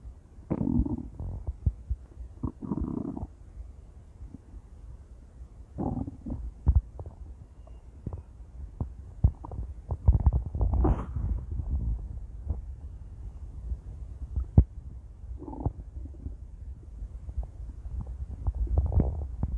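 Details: Intense stomach growls: loud, low gurgling and rumbling bursts with scattered pops over about 20 seconds, from gas and fluid moving through the gut.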